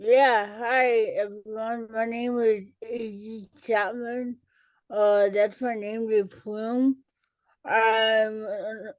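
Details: Dysarthria in an adult woman with cerebral palsy, an educator and author, who says listeners may not understand her and that she talks differently.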